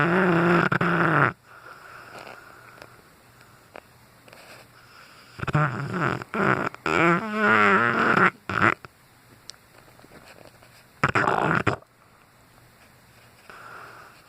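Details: Cane Corso dog snoozing and snoring loudly: loud, rattling snores in bursts with quiet gaps between breaths.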